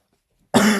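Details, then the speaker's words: Single sudden harsh cough from an adult with an extremely hoarse throat and voice breaks, after silence, cut off at clip end. "Sorry, my throat is extremely hoarse today. This is not ideal."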